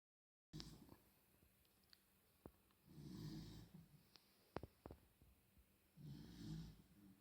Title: Cute snoring Beagle puppy